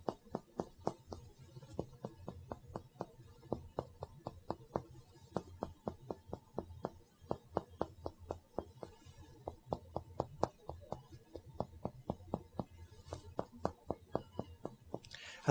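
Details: Posterior chest percussion on the back, in interspaces side to side, during a physical examination demonstration: steady sharp, hollow finger taps about four a second; resonant note, normal over healthy lung.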